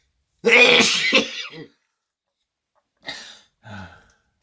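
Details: One loud, explosive adult sneeze, then two short, quieter breathy sounds in a quiet room; sneezing.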